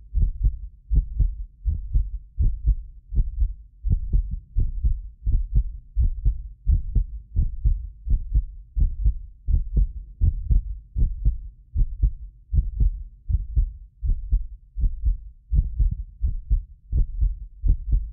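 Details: Real heartbeat of a medically fit person recorded with multiple precision contact microphones: steady regular lub-dub at about 83 a minute, occasional doubled clicks from a ~6 ms delay between microphones, not heart disease; normal heart sounds.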